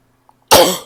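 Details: Barking cough.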